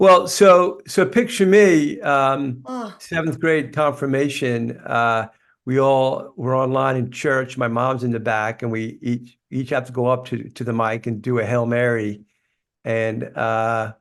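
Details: Life-long stuttering in an adult man, which he describes as a neurological condition that gets tougher when he is tired.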